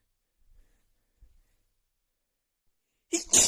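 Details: Two faint breaths, then a sharp, hissing sneeze burst; part of an itchy sneeze attack in a female.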